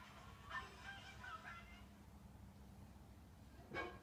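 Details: Two-month-old baby boy; brief, sharp, catching sounds a few seconds apart against a quiet room hum: hiccups.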